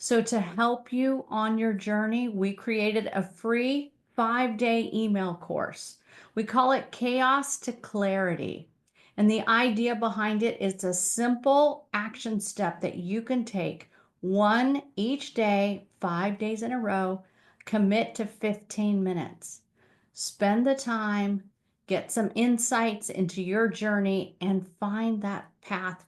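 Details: Adult woman speaking; normal speech.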